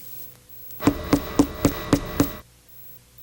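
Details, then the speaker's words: Chest percussion giving six evenly spaced taps with a clearer, louder, hollow note than normal lung resonance: a hyperresonant percussion note, indicating increased air in the alveoli, usually caused by pulmonary emphysema. "na hipersonoridade pulmonar e verifica-se que a nota de percussão é mais clara e mais intensa indica aumento de ar nos alvéolos geralmente provocado pelo enfisema pulmonar"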